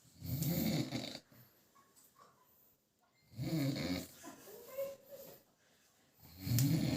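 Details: Loud, rough, low rattling snores on inhalation, about three in seven seconds with quiet pauses between; someone snoring.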